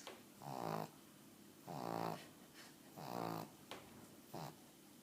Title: Cute pug snoring